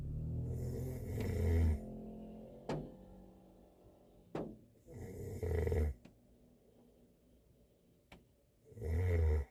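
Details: Korean man sleeping in a car on a snowy day: three loud, low, rattling snores about four seconds apart, with quiet pauses and faint background noise.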